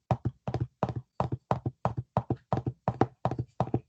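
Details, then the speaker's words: Galloping three-beat rhythm imitated by tapping on a table to illustrate an S3 gallop (third heart sound), described as a sign of left ventricular volume overload in mitral valve disease. "caballito ese es un tercer ruido ritmo de galope"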